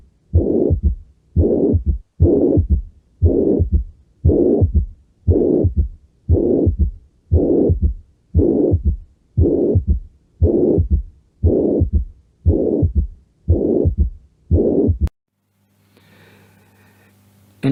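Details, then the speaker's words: Mitral regurgitation: regular heartbeat near 58 a minute with a bar-shaped pansystolic blowing murmur at the mitral focus, classically radiating to the axilla; soft S1, S3 common. "Y va a haber un soplo pan sistólico lo sistólico en forma de barra en el foco mitral que clásicamente se propaga hacia axila."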